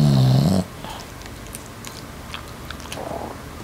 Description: Emma doing what she does pretty much every day. She sure has a hard boston terrier life of sleeping, snoring, relaxing, etc...